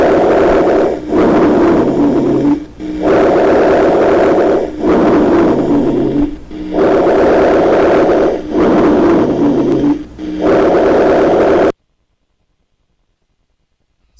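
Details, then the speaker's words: Rhonchi in a respiratory exam lecture: low-pitched snoring rumbles in both breath phases over several breaths. "silbido del aire al pasar por una indie dura se hacen en todo el tórax y a veces son escuchados a distancia"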